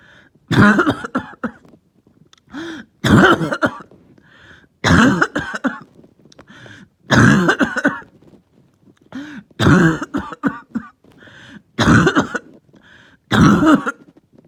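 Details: About seven loud, harsh cough bursts at steady intervals, with short throat-clearing between them: a lingering cough that started the previous night, with headache.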